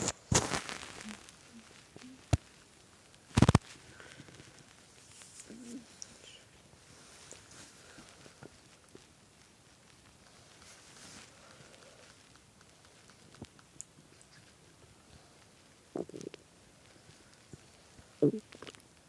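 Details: Hunger stomach growling from a hungry boyfriend's belly, recorded while lying on it as he played a game: a few brief, low gurgling rumbles amid clicks and handling noise; bowel sounds.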